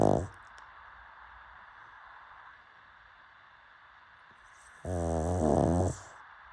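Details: Pug dog gives two loud, rattling snores separated by a quiet pause, with faint steady background hum: snoring.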